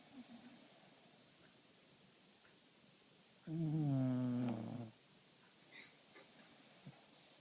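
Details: A single loud, buzzing snore lasting about a second and a half, falling slightly in pitch, between quiet stretches: snoring.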